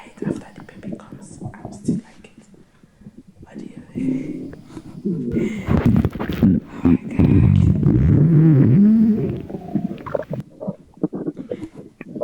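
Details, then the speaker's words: Pregnant woman's stomach after drinking cola and Sprite: loud, bubbling, low-pitched gurgles rising and falling in bursts, gas moving through the gut: bowel sounds (borborygmi). "Yes, it's from my stomach. I've tasted cola before. I don't know which one is I don't know, between Coca-Cola and Sprite, which one gives me that crumbling sound."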